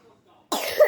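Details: Adult with a cough who wants to take medicine: after brief near-silence, a single abrupt, harsh cough burst that runs to the end of the clip.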